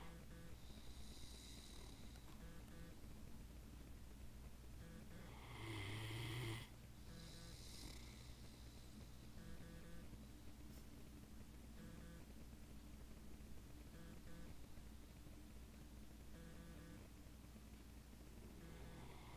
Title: Saber Snoring and Drooling....